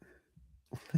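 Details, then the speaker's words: Adult who inhaled grass dust while blowing off a mower and has been coughing all day: after quiet low breathing, a short abrupt cough or throat-clearing burst, with another starting at the end. "I just inhaled all of this dust and I've been coughing all day. So I'm sure you [clears throat] can hear it in my voice and I've [snorts] been coughing a few times tonight."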